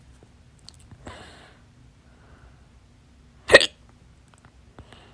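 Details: One sharp, loud hiccup amid quiet room noise with faint breaths and clicks, from a stubborn, fast, late-night hiccup bout lasting 30 minutes, blamed on too much salsa; holding breath failed at first and worked on the fourth try; hiccups.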